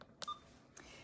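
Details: Two short electronic keypad beeps in a quiet room, from entering a 100 mL/hr infusion rate for 0.9% normal saline on an Alaris IV smart pump in a teaching lab.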